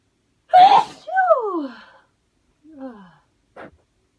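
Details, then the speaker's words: Adult coming off the end of a cold, trying to hold back a sneeze: a sharp, partly stifled sneeze burst, then falling voiced sighs and a small final catch. "I I promise I'm trying not to sneeze, but it's not going well for me at the minute."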